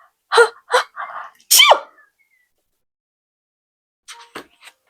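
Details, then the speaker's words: Acted sneeze imitation in a children's story read-aloud about a zebra's sneeze: a rising 'ah-ah-ah' build-up ending in a sharp 'choo' burst; not a real sneeze. "Have you ever had a sneeze so big that it surprised everyone? Today we are opening Zebra's Sneeze."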